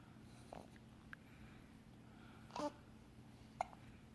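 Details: Newborn girl, nearly 3 weeks old, with hiccups: faint, soft, abrupt little catches, roughly one a second, in a quiet room.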